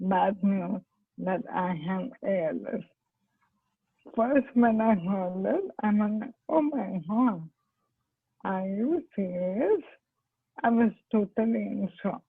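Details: Dysarthria in ALS (motor neurone disease); the patient is a doctor who has ALS herself and attributes her impaired speech to the disease.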